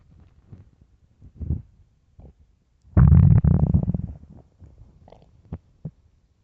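Low gurgling rumbles with one loud, long growl midway, from an empty stomach; ordinary hunger borborygmi.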